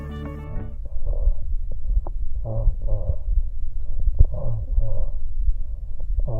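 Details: Egophony over a laminar pleural effusion: muffled, repeated spoken syllables come through the chest with a thin, nasal, bleating quality, high frequencies passing preferentially, over low rumbling noise.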